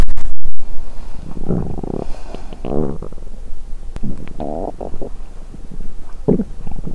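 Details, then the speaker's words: At the end of day one of a 7-day fast, after licking brown sugar: low gurgling, rumbling bursts from the belly in several short runs after a handling thump; empty-stomach borborygmi. ""A la fin du premier jour, j'enregistrerai mes bruits de ventre". "Quand j'ai léché la cassonade tout à l'heure, mon estomac a gémit bruyamment.""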